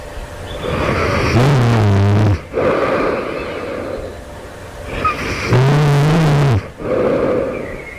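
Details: Loud, rough, vibrating inhaled snores, two in eight seconds, with noisy out-breaths between them, just before waking at night; the sleeper asks whether this suggests developing sleep apnea; snoring.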